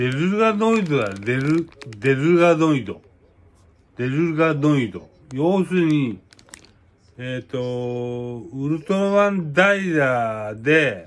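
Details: Speaker with aphasia and hemiplegia after a cerebral hemorrhage (per hashtags), with repetitive, hard-to-parse word forms; aphasia.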